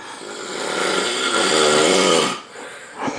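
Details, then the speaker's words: Heavy snoring by a sleeping man, filmed close up in mock nature-documentary style: one long, loud, harsh rattling snore on an in-breath, then a quieter breath. "for listen to those massive Chambers it would probably help if I kept the camera on the subject all the same I'm living with absolute and abject fear of approaching this animal"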